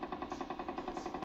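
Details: Rapid regular crackling pops from the needle EMG speaker as motor unit potentials fire during muscle contraction, recorded in the right deltoid muscle: needle EMG motor unit potentials.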